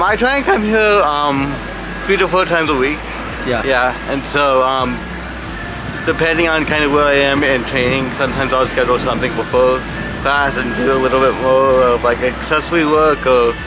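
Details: Adult man with cerebral palsy from brain damage caused by lack of oxygen when his heart stopped at birth; speech, balance and coordination are his biggest challenges; dysarthria (cerebral palsy).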